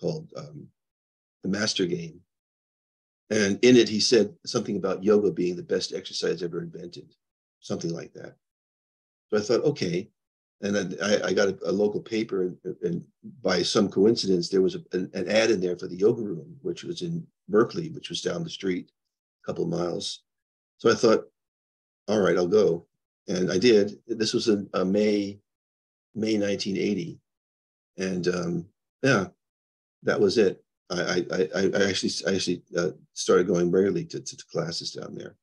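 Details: Adult man with progressing Parkinson's disease who reports mild stuttering, losing his words and impaired balance; neurogenic stuttering with word-finding pauses (Parkinson's disease).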